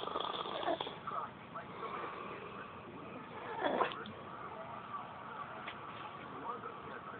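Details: Soft, continuous rasping breath noise with one stronger snoring breath partway through, against steady room noise; snoring.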